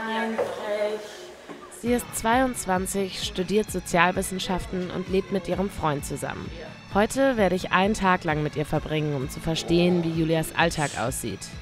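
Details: Adult female narrator; Normal narration speech.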